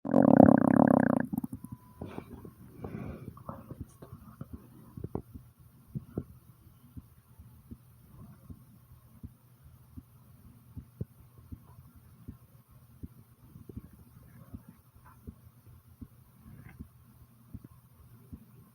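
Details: Own heartbeat and stomach recorded at the same time: low gurgles and rumbles of the stomach with soft irregular clicks, mixed with faint background thumps; bowel sounds.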